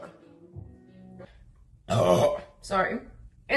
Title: Best burps ever plus farts in leggings #burps #farts